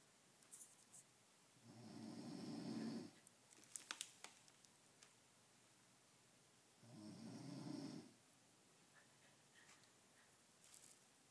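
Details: Adult man (father) snoring in sleep, two low rattling snores about five seconds apart, roughly 12 breaths a minute, in a quiet room; he denies snoring; snoring.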